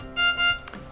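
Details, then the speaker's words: Veterinary infusion pump air-in-line alarm, demonstrated by introducing a large bubble into the IV line: two short steady electronic alarm tones over faint room noise as the bubble enters the pump. "It's a larger bubble, so it should set off the alarm when it goes through, and I'll show you how to deal with that. Just start this again, and as that enters into there, you'll hear the alarm, and then we've just got to manually move that bubble through."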